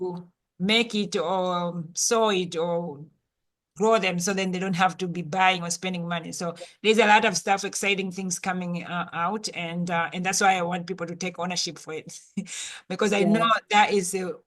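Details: Adult speaker; normal speech.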